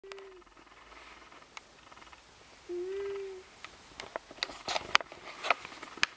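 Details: Pet cat, owner unsure whether snoring or wheezing: two brief high whistling breath sounds, then soft clicks and taps in a quiet room; whistling breath noise, possible wheeze or snore.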